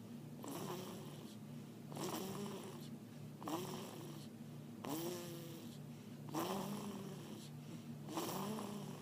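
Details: Snoring during sleep: regular rattling, tonal snores repeating about every one and a half seconds, roughly 40 a minute.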